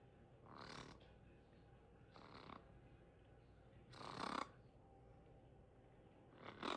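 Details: A pet parrot, eyes open and not asleep, imitating snoring when asked if it was snoring: four short, raspy, snore-like snorts a few seconds apart.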